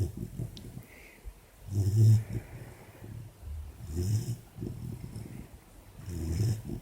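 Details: Low, rumbling snore bursts with a soft hissing edge, roughly every two seconds, from a sleeping 4-month-old female Labrador puppy with an ear bud in her mouth: ordinary snoring.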